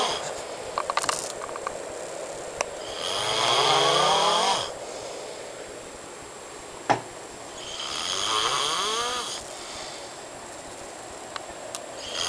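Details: Man asleep: loud, harsh rattling snores on inspiration, about two over twelve seconds, with room noise; heavy snoring.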